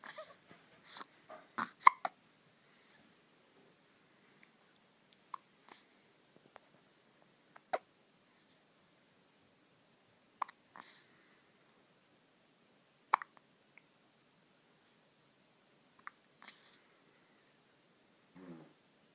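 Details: Four-day-old newborn baby just home from hospital with hiccups: soft, brief catching sounds recurring at irregular intervals in a quiet room.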